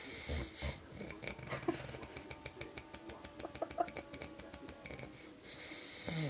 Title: Husband's snoring sound like chainsaw.